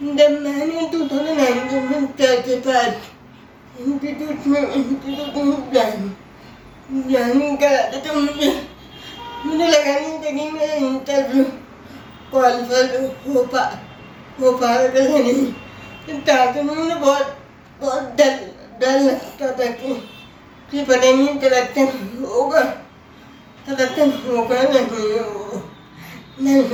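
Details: Adult woman with cerebral palsy speaking Hindi, whose speech is hard to understand, offered written answers in an interview because of her speech difficulty; dysarthria (cerebral palsy).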